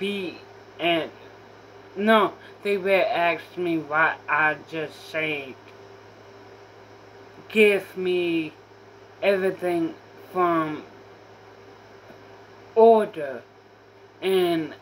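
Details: Female speaker with self-reported apraxia; apraxia of speech.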